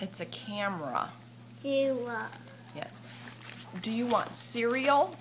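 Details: Adult woman (mother) speaking to a child; typical adult speech.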